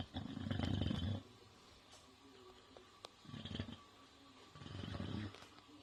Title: English bulldog snoring/Angol bulldog horkol